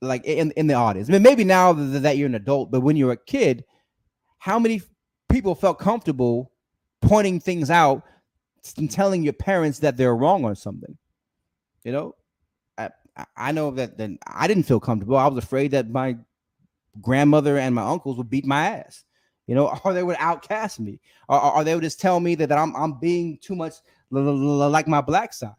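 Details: Stuttering in an adult man who says he has a speech impediment, during a live stream.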